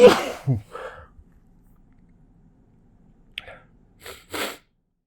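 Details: A sharp, partly stifled sneeze into tissues at the start, followed by brief sniffs and small noises; a short held-back sneeze.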